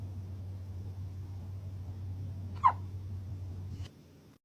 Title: Top 5 Hiccup Bandits